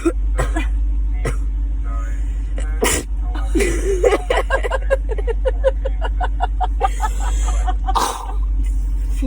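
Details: Several abrupt, uncontrollable sneezes from girls during a Covid-19 nasal swab test, over a steady low room or vehicle rumble with some voice sounds between them; swab-induced sneezing.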